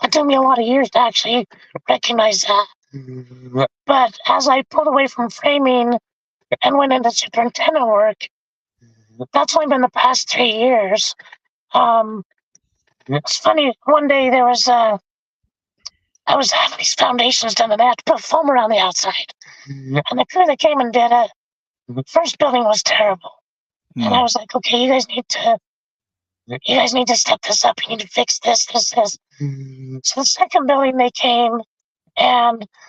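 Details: Adult man with traumatic vocal fold paralysis from a four-wheeler accident at 25 (trachea split, oesophagus torn); tracheostomy removed after 2 months; scope still shows paralysed cords; over 25 years since onset.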